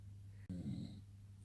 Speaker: husband is snoring you can hear him I don't believe it it's so faint but it's totally there